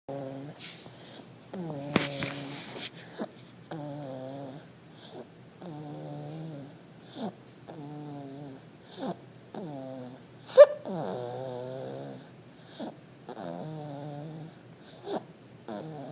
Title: I like 2 snore